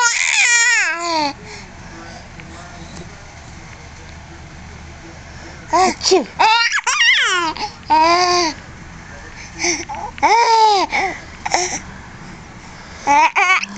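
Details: Baby: short, high-pitched infant cries and fussing in bursts, with quiet room noise between them; infant cry.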